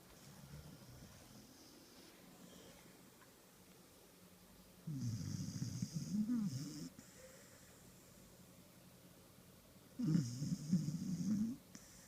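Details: One-year-old cross-breed dog asleep: two rattling, fluttering snore bursts separated by quiet breathing; snoring.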